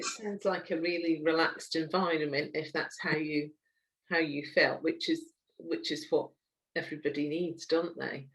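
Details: Adult speaker (interviewer); Normal adult speech.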